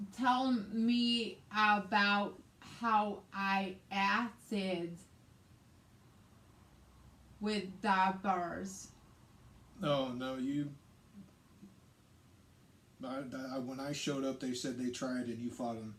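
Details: Adult woman with aphasia after a hemorrhagic stroke on May 19, 2020, which also caused right-sided hemiparesis and required brain surgery and ICU care; she also has reading and writing difficulties; aphasia.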